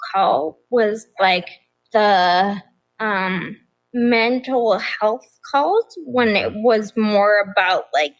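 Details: Adult woman with progressive ataxia of still-undiagnosed type; began at age 26; affects nerves, balance and speech, with nerve pain; mainly a wheelchair user; also severe anxiety and depression; ataxic dysarthria.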